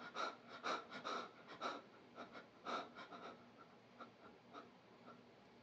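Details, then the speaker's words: A person with epilepsy, just after a run, has a rare focal aware seizure with tonic-clonic-like jerking and stiffening while staying aware. Fast, uneven, noisy breaths at about 120 per minute fade before breathing stops: rapid breathing during the seizure. "my breathing will become very rapid here and soon I will stop breathing and my face will turn purple"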